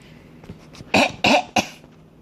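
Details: Three short, sharp, deliberate coughs from an angry infant coughing for attention, not from illness.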